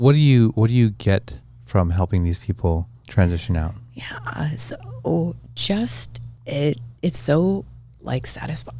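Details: Adult speakers in an interview; ordinary conversational speech.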